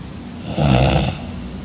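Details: Snoring from a young woman sleeping beside her boyfriend: one loud, low, rattling snore on a breath in, against steady room noise.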